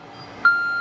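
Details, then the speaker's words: Oxygen failure alarm on gas equipment during CO2 laser skin resurfacing setup, cleared by opening the backup tank: a sudden steady high-pitched electronic tone over quiet room noise. "so this is what it's going to look like this is the alarm that will go off"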